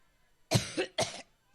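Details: Adult woman trying to get her cough under control during the first minutes of a speech: two harsh, forceful coughs in quick succession; coughing fit.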